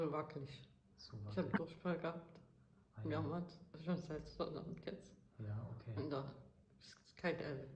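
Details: Woman with multiple system atrophy, with perioral and facial dystonia, mild parkinsonism, cerebellar signs, orthostatic hypotension and voiding difficulties; voice with little modulation and fixed pitch; dysphonia in multiple system atrophy.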